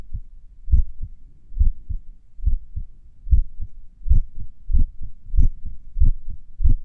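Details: Own heartbeat recorded a few minutes after morning exercise, during recovery: low heart sounds around 95 beats a minute with uneven pauses between beats, consistent with sinus arrhythmia, a normal rhythm variation.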